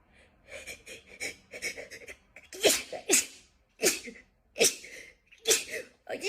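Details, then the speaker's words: A rapid run of about five sharp sneezes in quick succession, each a sudden hissing burst after a brief intake of breath; repeated sneezing. "I feel like I only sneeze in increments of like Bless you."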